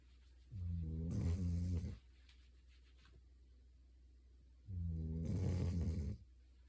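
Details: Sleeping female dog, possibly tired after much play: two long, low, rumbling snores about a second and a half each, separated by quiet; snoring.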